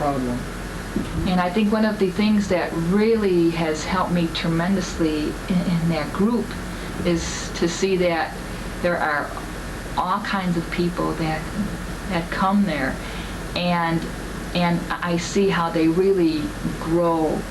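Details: Adult member of a stuttering support group; stuttering.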